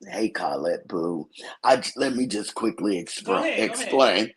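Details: Dysphonia in an adult woman from a vocal fold injury, accidentally touched during recent thyroid surgery; hoarse, altered voice; she expects recovery in a couple of months.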